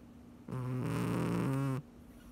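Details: Sleeping cat: a single low, buzzing, fluttering snore-like breath; cat snoring.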